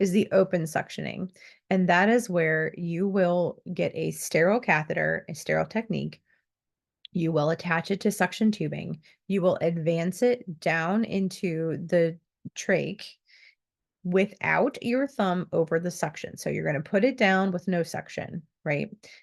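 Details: Adult speaker; typical speech.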